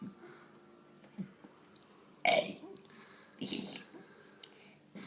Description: My son burping the alphabet